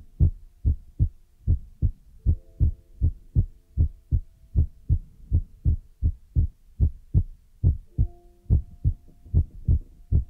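Steady low thumping beats, about 75 to 80 a minute, paired lub-dub sounds with a faint tone in the background.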